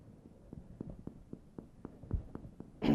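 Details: Normal resonant percussion note: about ten evenly spaced, hollow-sounding finger taps over air-filled lung on the posterior thorax during a physical examination, with a brief rustle at the end.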